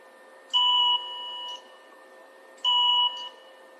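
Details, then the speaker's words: Electrosurgical coagulation tones during a simulated laparoscopic appendectomy, applying heat to the cut edge after the specimen is bagged. Two repeated tones, each stepping from louder to softer. Appendix in normal position. "Now the next thing to do for extra safety for the patient, it is usually advisable to apply some um heat energy to coagulate the cut edge"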